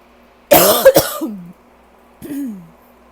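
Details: Two rough, harsh coughs ending in groaning voiced sounds, from someone coughing all day with allergies and a very tight chest; raspy allergy cough.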